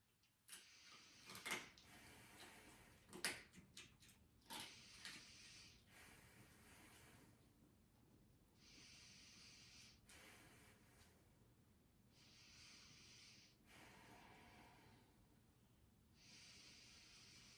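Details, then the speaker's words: Normal breath sounds heard by stethoscope over the back during a head-to-toe assessment, with deep breaths: soft, even airflow, equal throughout and with no crackles or wheeze. "we have nice equal lung sounds throughout the back"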